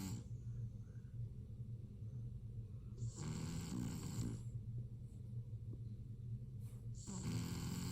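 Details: Lilac male BearCoat Shar-Pei puppy sleeping, with low rumbling breathing and a couple of louder snorting breaths; snoring.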